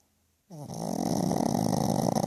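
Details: Snoring in a sleeping pug, a small flat-faced dog: loud, rough, fluttering snore with a sustained rattling vibration on the breath.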